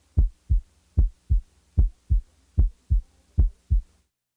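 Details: Simulated late systolic murmur, as in mitral valve prolapse, heard best with the diaphragm at the apex, added then removed from the cycle: heart at about 75 a minute, soft high blowing murmur running into S2.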